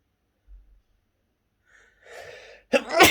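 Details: Sneeze challenge: a soft indrawn breath, a rising build-up, then a sharp explosive burst; one ordinary sneeze.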